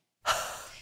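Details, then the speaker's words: Demonstration of a huff cough (forced expiration technique): a single sharp, breathy open-mouth exhalation to clear mucus. "you may even combine your rmt with the huff cough maneuver this can be done by completing four to six breaths through the breather we know the expiration against resistance will assist in clearing airways follow with two to three huff cough maneuvers repeat as needed"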